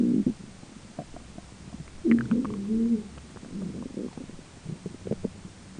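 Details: Self-recorded stomach noises during digestion, with a roommate talking in the background: low gurgling, bubbling rumbles from the belly. Bowel sounds (borborygmi).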